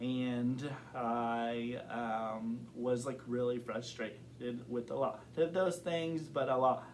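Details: Adult man who has stuttered since kindergarten, reporting blocks and varying severity. Stuttering.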